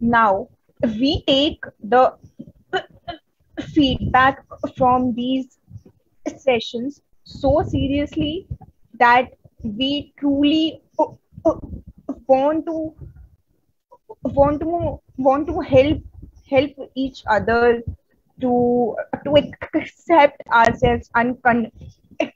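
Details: Adult Indian woman who stutters, presenting on women and stuttering at a stuttering conference, with audible word repetitions; stuttering.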